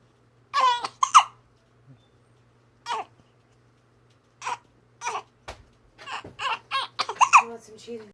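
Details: Baby girl with hiccups trying to cry: short, broken infant cry sounds and whimpers, interrupted by brief pauses and catches, with a steady low hum in background.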